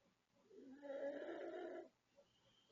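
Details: 36-year-old woman from the Philippines, August 2024, asleep at night: one long, harsh, rasping, fairly high-pitched growling snore of about a second in a quiet room; loud snoring.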